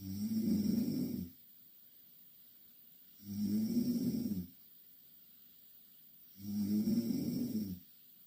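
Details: Two Korean girls snoring loudly in the same bed: three regular, low, rumbling snores on each breath in, about 20 breaths a minute, quiet pauses between.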